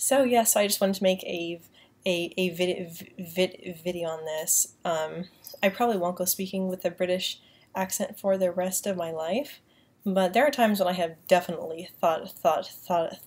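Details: Woman with a self-described mild stutter who finds she stutters less when using a British accent; word and part-word repetitions heard; stuttering.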